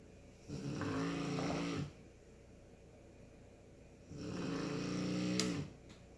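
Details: Dog snoring while asleep: two buzzing, humming snores separated by a quiet pause, in a quiet room.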